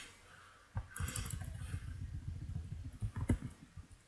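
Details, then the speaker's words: A low, bubbling rumble rises and sputters for about three seconds: an adult's stomach growling from hunger near lunchtime. "i'm hungry and my character's hungry that's immersion that's right i'm very immersed we should be killing the vampire mage because it's the one that's making the flame ghost that's killing us oh hey we're berserked can you hear my stomach it's kind of loud"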